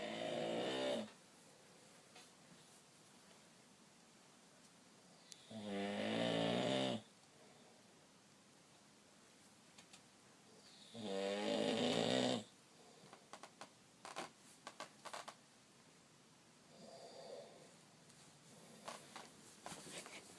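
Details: Father asleep: loud, rattling inhaled snores roughly every five to six seconds, with quiet pauses and some clicking noises between them: snoring.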